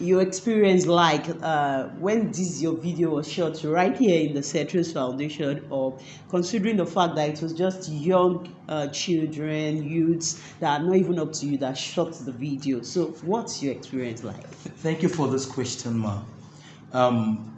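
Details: Adult speakers in conversation, interview; ordinary speech.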